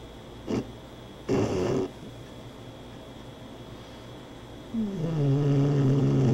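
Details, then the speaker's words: Female dog sleeping and snoring softly: low rumbling breath sounds ending in a longer, steady droning rattle. "Such a soft little snore. A soft little snore. It's so easy to sleep around these dogs. They just lull you to sleep with that snore."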